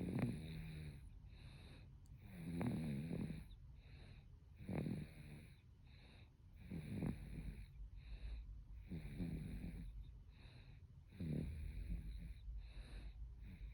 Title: Snoring baby